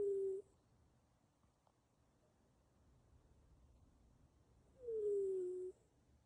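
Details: Cat snoring while asleep: two soft, whistling, wheezy breaths with a quiet pause between them.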